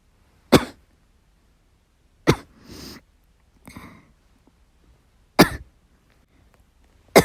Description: I was playing the game while I was recuperating, but I was coughing so badly I couldn't do it well.